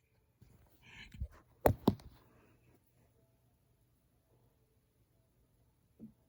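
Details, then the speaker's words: A dad's hiccups heard through a vent: a few sharp, abrupt gulping hiccups, faint and distant in a quiet room, with a lone soft one near the end. "dad legit got the hiccups and it sounds so weird. And I can hear it through my vent."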